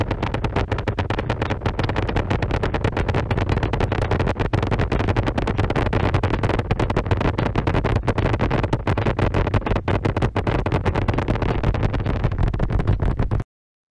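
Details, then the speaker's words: Needle EMG recording from a real patient: dense, rapid rough crackling of a motor unit potential with slightly longer duration and several phases, polyphasic motor unit potentials of early reinnervation in neuropathy. "this results in a Mot un potential that has a slightly longer duration and is what we call polyphasic meaning it has several phases"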